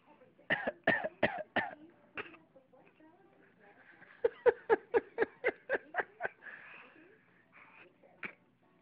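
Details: Young child, described as a very cold baby with a bad cough, gives two runs of short, rapid coughs, about a dozen in all, with quiet breathy sounds between.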